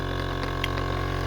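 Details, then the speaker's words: Sunset SU100 portable suction machine used by a tracheostomy patient, recorded close up; steady low motor hum with a rapid pulsing drone: portable suction machine running. "I'm getting it pretty close here. And then from where I'm sitting you can get an idea about the volume of it."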